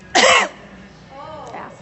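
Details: One loud, forced cough burst with faint voiced sounds from a woman refusing to wear a mask in a store, coughing deliberately on the person filming: a voluntary cough.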